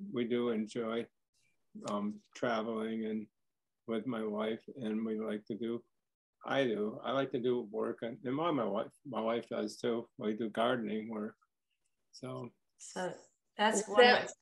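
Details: Adult man diagnosed with primary progressive aphasia the previous summer, with word-finding difficulty that varies between good and bad days and worsens when tired; primary progressive aphasia.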